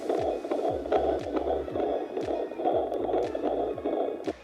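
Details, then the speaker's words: Midwife checking a first-time mother's pregnancy with a Doppler: rapid, rhythmic whooshing pulses at roughly 145 a minute over steady Doppler hiss, a fetal heartbeat. "the next kind of few appointments were just with my Midwife she was checking in with me using the Doppler to let us hear the heartbeat"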